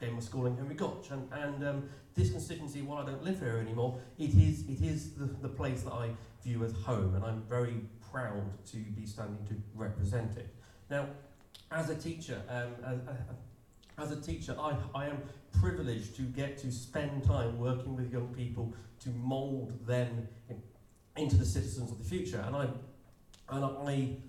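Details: Stammer in an adult male political candidate who describes himself as openly disabled, speaking at an election hustings; stammer.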